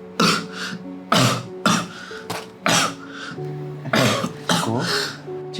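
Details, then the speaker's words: Acted adult throat clearing and several harsh coughs with audible breathing, over soft background music, in a dramatized phone-call scene; cough with throat clearing. "Ih, kamu tiba-tiba batuk sampai kedengaran suara napas gitu."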